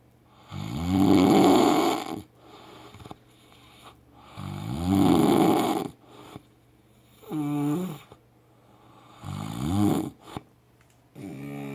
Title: Loud ass snoring OMG